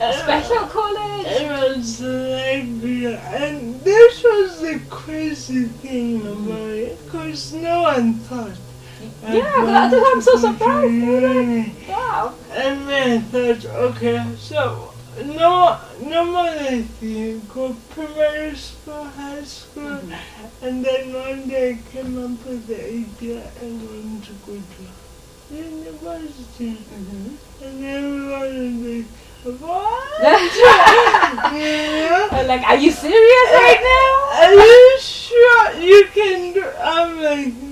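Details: Dysarthria in a 27-year-old woman who has lived all her life with cerebral palsy, in conversation.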